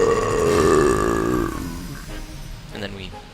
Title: NintendoCentral Burp Compilation